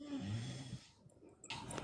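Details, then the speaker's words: Snoring from the speaker's sleeping adult partner, heard in the background of a recording: a low, rough, rattling breath sound, then a brief noisy burst. "Sorry, you can hear the snoring in the background. That's my partner."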